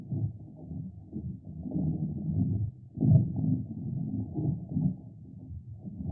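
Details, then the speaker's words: Normal bowel sounds from the abdomen of a canine veterinary training simulator (black lab): low, irregular gurgling rumbles, simulated for classroom auscultation practice. "so let's hear what the bowel sounds sound like"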